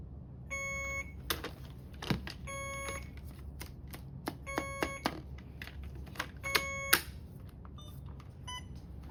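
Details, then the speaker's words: Alaris IV infusion pump being programmed and started for primary IV fluids, clamps opened and start pressed, in a nursing demonstration: several short electronic beeps with clicks and handling noise, routine device feedback. "will select the correct IV fluids per the provider's order and program the IV pump as indicated per the provider's order."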